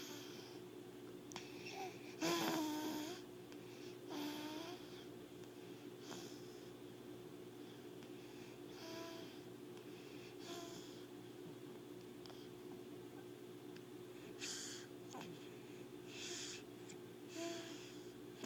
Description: Listen closely and u'll hear him snore